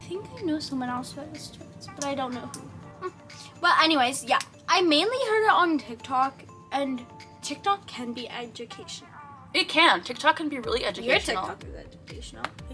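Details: Young female speaker in conversation; ordinary conversational speech.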